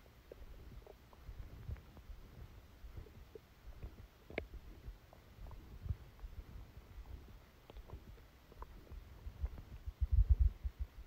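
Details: Stomachache after Christmas dinner, recorded while sleeping: quiet, irregular low gurgles and rumbles from the belly over faint room hum; active bowel sounds.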